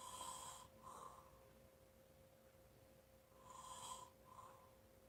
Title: Snoring and breathing loud.